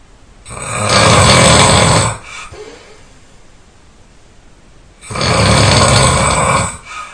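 Two long, very loud, rough snores on inhaling, separated by a quiet exhale; heavy snoring.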